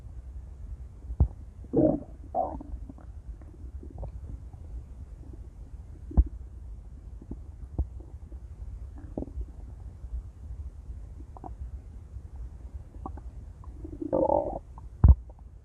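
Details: Female's intense stomach growling: loud gurgling growls in bursts, with scattered clicks and quieter stretches between; active borborygmi.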